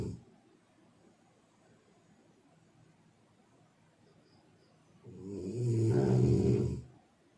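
A long quiet stretch, then one deep, low, fluttering snore on an in-breath: a single snore.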